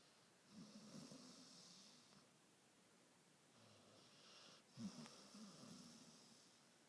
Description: Snoring dog